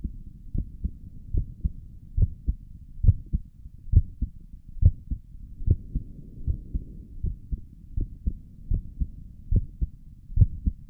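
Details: Heartbeat heard through a stethoscope on the chest for an ASMR recording: steady low thumping at about 70 beats a minute with a faint background hum; stomach gurgles occur during the recording; normal heart sounds.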